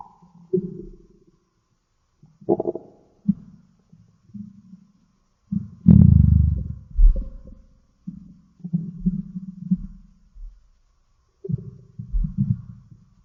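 Irregular low gurgling rumbles with quiet gaps and one louder prolonged growl; ordinary stomach growling.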